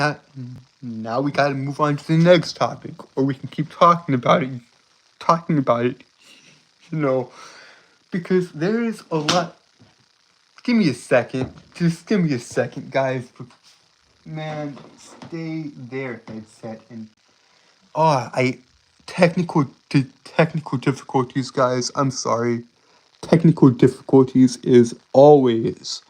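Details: Adult male streamer with a self-described speech impediment that makes him stutter and trip over his words; stuttering.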